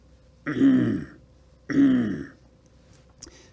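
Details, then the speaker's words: Vocal imitation of an aortic stenosis murmur, done twice: a coarse, harsh throat-clearing sound with a crescendo-decrescendo shape, mixing high and low pitches. "So, it might sound something like this. And you can hear there's a crescendo decrescendo quality to the sound that I'm trying to recreate. It's a mixture of high and low pitched sounds."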